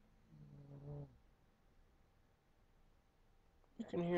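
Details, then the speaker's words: Sleeping dog, described by the owner as a loud snorer, gives a single low, buzzing snore, then quiet room noise before a person's voice cuts in; snoring. "hey Clifford come here stop snoring pain in the butt it's always one of them that like just is there and was like so he snores loud"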